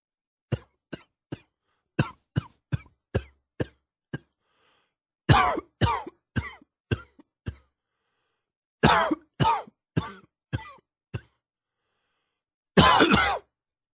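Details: Adult's morning cough while waking the lungs; repeated short dry coughs in several fits, ending with one longer, harsher cough.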